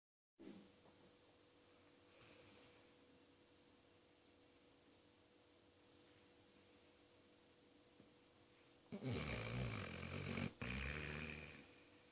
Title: dog snoring 2